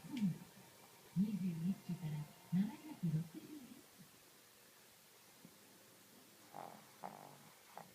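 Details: A Shih Tzu dog snoring: low, rumbling snorts in quick irregular bursts, then fading to quiet breathing with a few soft snuffles.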